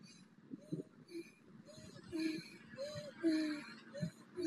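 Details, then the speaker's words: Woman with symptoms when running, standing still looking straight ahead, takes rapid, effortful breaths with short high musical squeaks on breathing in; chest and stomach move together, neck forward: inspiratory wheeze from dysfunctional breathing. "okay so you can hear that she's got a wheeze when she breathes in"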